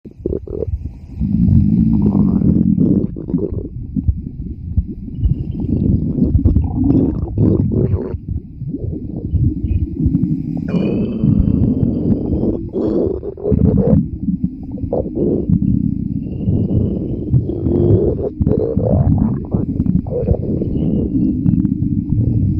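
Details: Continuous low gurgling rumbles with bubbly squeaks from a woman's stomach growling while at the beach: borborygmi.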